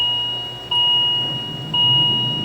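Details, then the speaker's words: Steady high continuous alarm tone from a Philips MMS patient monitor during ECG testing with the patient simulator switched off, no heart rate detected: asystole alarm. "If you have the patient simulator turned off, you have no heart rate, you should get a asisto"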